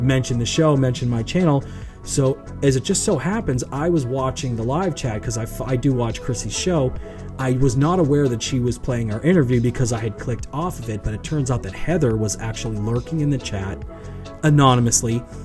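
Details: Adult man speaking; normal speech.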